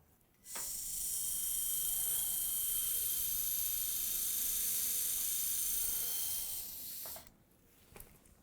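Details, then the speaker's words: Late single dental implant (Conelog Progressive-Line, submerged healing) after flap elevation: a pilot drill with a 13 mm depth stop follows the round drill, producing about six seconds of steady high-pitched whirring that starts and stops abruptly. "here you see the bone we start again with a round drill the pilot drill with 13 millimeter depth stop"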